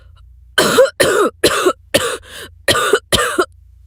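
A run of six harsh, voiced coughs with a brief wheezy gasp in between, performed by an actor imitating a cough.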